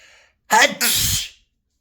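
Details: Piggy sneeze: a quick indrawn breath, then one sharp, hissing burst of air from a small animal; a single sneeze.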